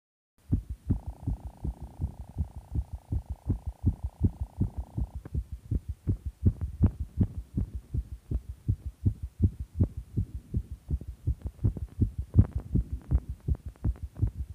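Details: Quick, regular heartbeat thumps with a steady hum over the first few seconds; fast heart rate, heartbeat visibly fast.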